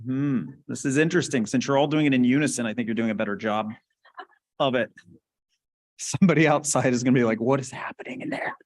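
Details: Adult man speaking; normal speech.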